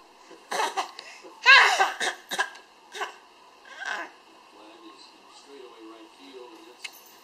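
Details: Young child: a quick run of short, sharp coughs, then quiet. Coughing spell.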